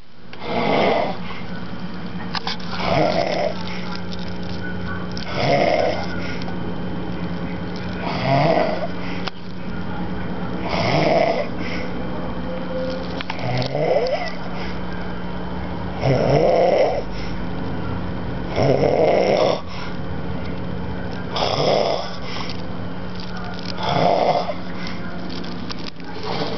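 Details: Loud, rhythmic snoring from a sleeping adult, about 23 snores a minute, with a steady background hum.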